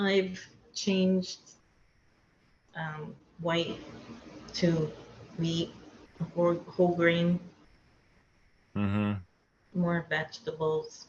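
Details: Aphasia in a woman after a hemorrhagic stroke; she could not talk for two years after the stroke.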